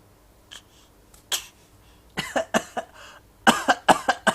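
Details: 6-month-old baby acting a cough: a string of short, soft cough-like bursts made on purpose, a voluntary (fake) cough rather than illness.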